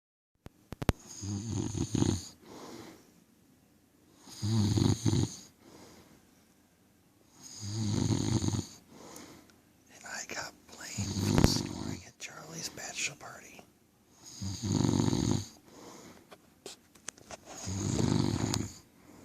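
Loud, low rumbling snores repeat roughly every three seconds in a steady sleep breathing rhythm.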